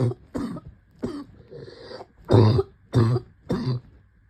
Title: Covid cough 2